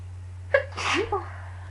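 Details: A person who is sick takes a quick breath in and gives a single sharp sneeze, then a short sigh.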